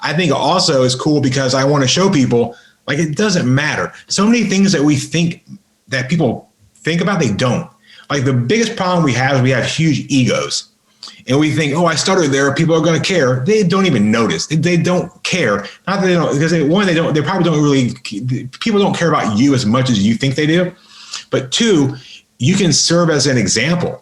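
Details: Adult man with a lifelong stutter, severe by his own account, improved through practice and an intensive stuttering school; real stuttering in a podcast interview.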